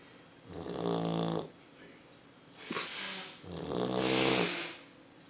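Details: Two loud, drawn-out buzzing snores with a quieter snort between them from a sleeping female Labrador puppy, likened to a motorcycle; owner wonders if she's clogged up; snoring.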